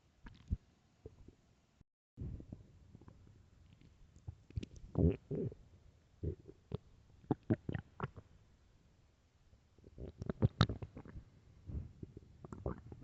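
Loud, irregular gurgling and rumbling bursts from the belly in a quiet room; ordinary stomach growling from gas and fluid moving through the gut.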